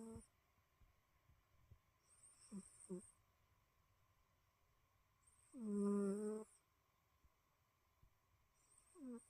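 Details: A sleeping cat snores softly, with a low buzzy rattle on each breath about every three seconds.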